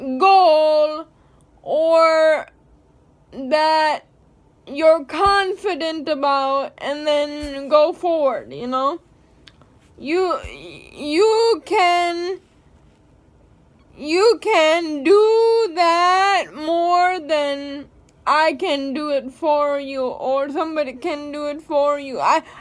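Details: Speech of a woman with cerebral palsy; whether her speech is affected is not stated (possible dysarthria).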